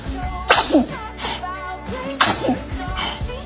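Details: Baby sneezing: two short, sharp, hissing bursts close together with music playing underneath, followed by a snort and laughter.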